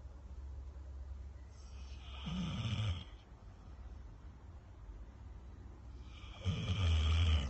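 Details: Two deep, rumbling snores about four seconds apart over low room hum, about 15 breaths a minute, from a sleeping subject; snoring.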